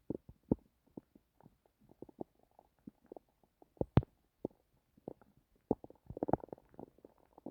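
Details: Irregular low gurgles, pops and rumbling bursts clustering toward the end, recorded from one's own stomach while trying to sleep: active bowel sounds (borborygmi).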